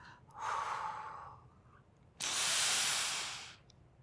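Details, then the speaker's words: Slow breath out, then a strong fast rushing breath in lasting over a second, a child-directed demonstration of fast deep inhalation through a Redihaler breath-actuated inhaler. "Take a fast, deep breath in through your mouth until you can't breathe in anymore."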